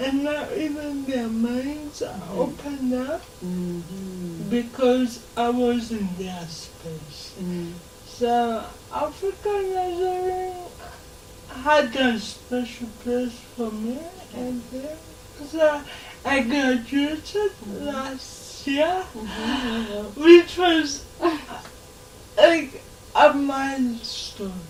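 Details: 26-year-old woman with lifelong cerebral palsy who began talking later than other children; real, not acted; dysarthria due to cerebral palsy.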